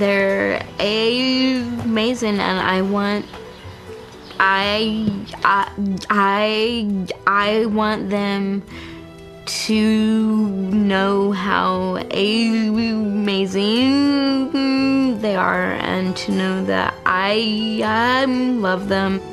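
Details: Adult woman born with cerebral palsy, with a right side weaker than her left and a painfully tense right arm; she describes having a stutter, which she calls stigmatizing; stuttering.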